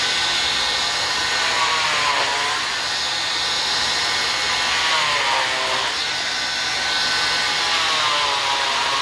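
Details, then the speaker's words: Cast saw cutting a molded fiberglass cast in a removal demonstration, not on a live patient: loud, high whining saw whose pitch dips as the blade bites in and rises as it lifts out. "so here we go here comes the noise so let's do let's do this portion first and when I get to here I'm going to pause"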